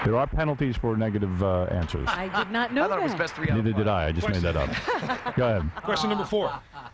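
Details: Adult male speakers, radio banter; fluent speech.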